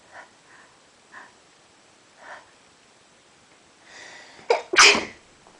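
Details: Repeated allergy sneezing: several soft quick puffs, then two sharp sneezes in close succession, some partly stifled but too strong to hold back.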